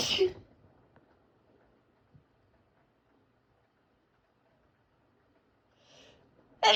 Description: My powerful sneezes shatter the peaceful ambiance.